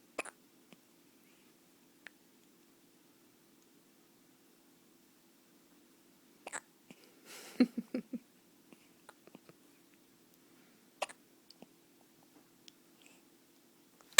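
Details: Baby: quiet, sharp, brief catches of breath at irregular intervals, about nine a minute, in a quiet room: hiccups.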